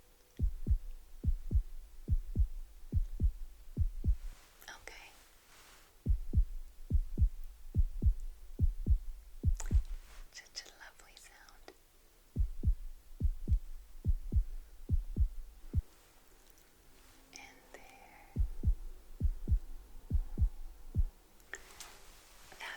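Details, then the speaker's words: Simulated whispered ASMR roleplay of a 6-month prenatal check-up: fast, regular, soft fetal heartbeat thumps heard with a warmed device on the pregnant belly, with whispering between; described as very healthy, strong and normal. "baby has a very healthy heartbeat, not to worry at all. Very strong and normal."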